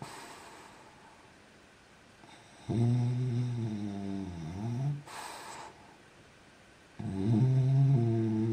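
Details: Sleeping French bulldog, recorded when young, snoring so loudly the walls shook: two loud, low, buzzing snores with a whistling edge separated by a quiet pause; snoring.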